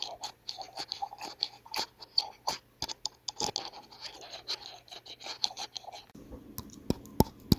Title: SONIDO RECHINAR DE DIENTES O Bruxismo